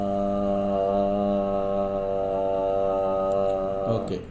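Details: Male patient with puberphonia in voice therapy, who complains his voice comes out thin, sustaining a loud "aa" vowel on request. Puberphonia.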